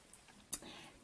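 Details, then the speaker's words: A dog gives a single short, sharp sneeze in a quiet room: a sneeze. "the dog is sneezing I don't know if y'all could hear that"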